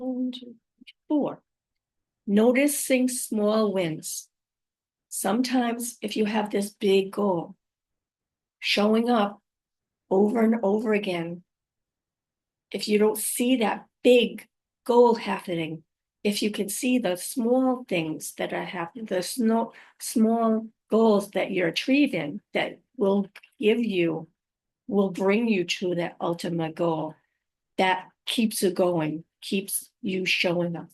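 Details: Woman five years after a stroke, who says she has aphasia, apraxia of speech and dysarthria; aphasia with apraxia of speech and dysarthria.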